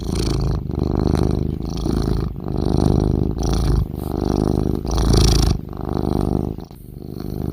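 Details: Sleeping cat snoring: a steady, low, fluttering rumble rising and falling with each breath.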